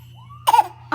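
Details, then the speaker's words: One short, deliberate cough burst from a young child faking a cough, a put-on voluntary cough rather than an illness cough. "what is that what's that cough what is that what you such a faker"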